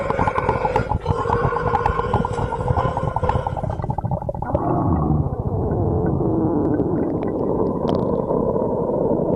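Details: Stomach growling (borborygmi).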